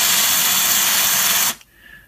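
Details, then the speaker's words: Steady loud hiss of liquid nitrogen spray for about one and a half seconds, then stopping: cryotherapy freezing of common warts on a male patient. "this is again this is axis and he's got some common warts here we did a little close-up on these so we're gonna freeze him"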